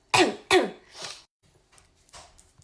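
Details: Person with Tourette's: three quick, forceful throat-clearing sounds in a row, then faint quieter noises; a repeated throat-clearing vocal tic.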